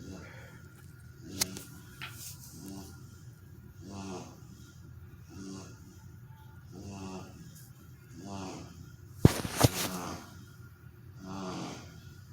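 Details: Regular rattling snores from a sleeping dog, about 8 breaths over 12 seconds, with a few clicks in the room.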